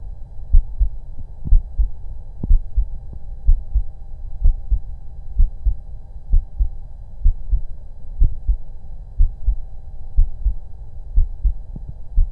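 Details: Auscultation of a person's own heart during breath-holds: steady paired heart sounds at about 60 a minute, regular rhythm, no breath noise; normal heart sounds.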